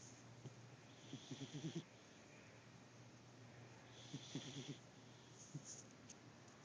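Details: Quiet bursts of rapid fluttering rattle roughly every three seconds over a faint hiss from a sleeping cat; soft snoring.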